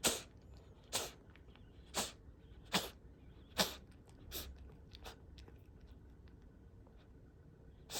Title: Cat coughing for a minute!